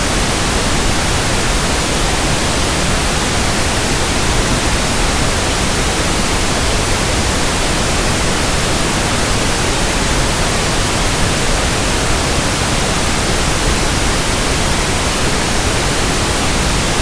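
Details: Pink noise sample for tinnitus sound matching and frequency comparison: a steady, soft, even static hiss with balanced low and high content, used to compare against persistent ringing or buzzing in the ears.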